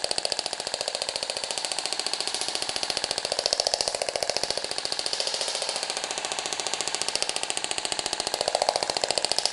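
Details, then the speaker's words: Radial shockwave therapy on a patient's region of fibrotic cellulite, fibrosis shown on tomography: fast, regular sharp clicking at about 15 pulses per second until the device finishes its pulses and shuts off. "é finalizado a emissão do número de pulsos então vocês viram equipamento desligar automaticamente né"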